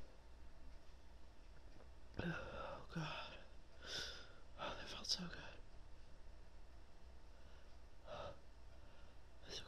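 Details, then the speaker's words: Several quick breathy bursts then a sharp, wet, expulsive burst from a woman with a tickly nose after buildups; sneezing. "Oh my god, that was really wet. Oh, it felt amazing though. Bless me. That was big."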